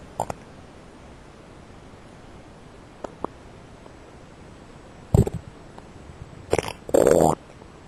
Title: Stomach Growlings